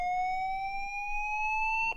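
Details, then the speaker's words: LIFEPAK 15 monitor defibrillator charging after pressing charge, 200 joules preselected, with therapy electrodes: steady electronic charging tone rising slowly in pitch, shown with a charging bar, before a shock can be delivered. "press charge there's a charging tone and a charging bar"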